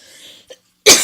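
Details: Adult who wants to quit smoking: one abrupt, harsh cough burst after a faint breath and a brief throat sound, while discussing smoking triggers and breathing in and out.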